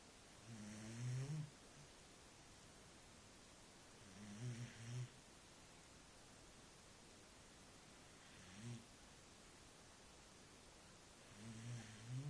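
Four soft, low rumbling snores at irregular intervals over a quiet background: ordinary snoring in a sleeping dog.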